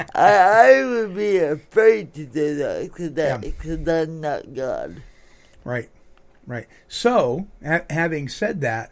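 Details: Adult woman born in 1959 with lifelong cerebral palsy affecting her speech and motor skills, which she attributes to oxygen being cut off to her brain during delivery; some listeners have difficulty understanding her; dysarthria.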